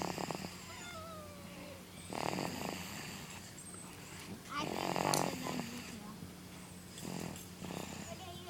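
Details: Snoring: rough snore on each breath, roughly every two to three seconds, with a low steady hum and faint room noise behind.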